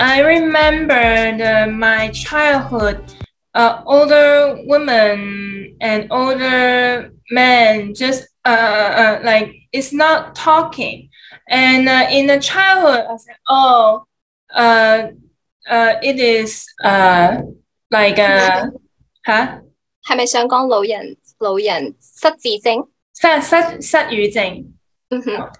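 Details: Aphasia in an adult man, multilingual (Cantonese, English, Mandarin, Shanghainese), who acquired aphasia in the USA.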